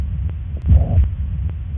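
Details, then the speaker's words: Pansystolic murmur of mitral regurgitation: low heart sounds, with S1 and S2 not fully clear, and a steady blowing, swishing murmur from the first through the second heart sound. "Right, so this is your pan systolic. Okay, so it starts with your S1, continues throughout your S2."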